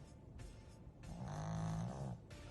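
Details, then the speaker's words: Snow dog just discharged from hospital, sleeping in the same position nearly 2 minutes: a low, rumbling snore in one drawn-out breath, quieter breathing before and after; snoring. "He just checked out a discharge from hospital and look at him snoring."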